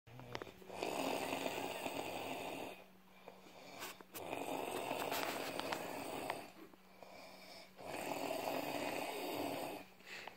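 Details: Snoring: an adult's snores during sleep.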